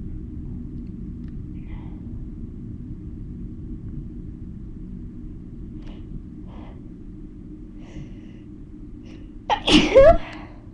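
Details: A single loud, explosive sneeze after a quiet stretch with a steady low rumble; possibly induced.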